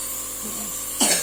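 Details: A single short, harsh cough burst near the end from someone with fever and cough, over steady background hiss and faint murmuring.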